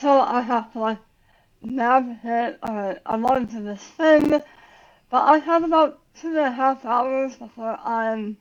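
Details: Adult woman about 9 years after tongue cancer surgery and radiation, who had to relearn how to talk; articulation difference after glossectomy.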